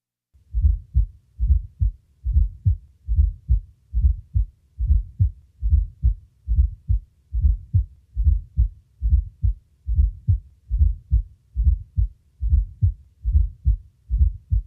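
A steady heart rhythm of about 70 beats a minute. Each beat has a soft, low extra thud just before the first heart sound, a fourth heart sound (S4) gallop. It arises as the atria push blood into a stiff ventricle.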